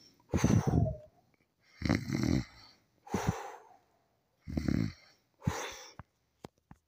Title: snoring 18